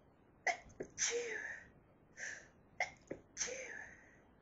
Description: hayfever sneezes which teased me so badly as the antihisthamines tried to stop the sneezing.......